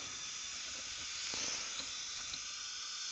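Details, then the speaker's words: Dental surgical suction tip drawing fluid at a dental implant site while drilling out a broken, cold-welded abutment screw from an external hex implant (type 4 case): continuous high-pitched hiss with faint gurgling. "Surgical suction tip in there for me let's have another cotton plier all right Surgical suction please"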